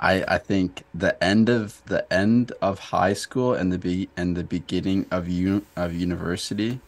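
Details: Stuttering in an adult man who stutters, in a podcast conversation.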